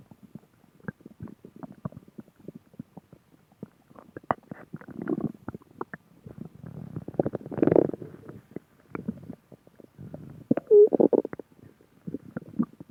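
Bubbling, gurgling rumbles with scattered clicks and a brief squeak; ordinary stomach growling.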